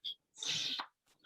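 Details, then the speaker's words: Sneezing uncovered, not into an elbow, during a podcast interview recorded in a library: a brief in-breath, then a loud, hissing, explosive burst; sneeze. "No elbow caught that sneeze. That was completely unsheathed."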